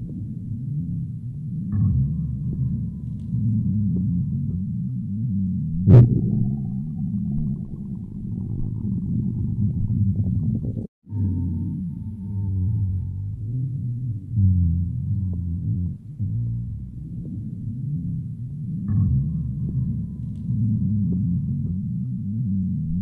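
Continuous deep gurgling and rumbling from the belly with occasional squeaky tones: ordinary stomach growling.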